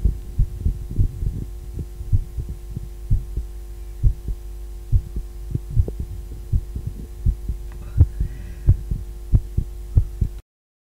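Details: A female's own heartbeat: steady, regular heartbeat thumps, roughly 90 a minute, over a constant low hum.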